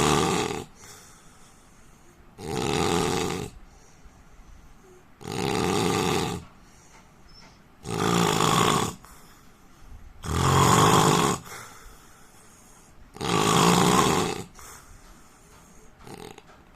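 Regular loud, rough snores about every 2.7 seconds, roughly 22 breaths a minute, with quiet exhalations between. Adult snoring during sleep.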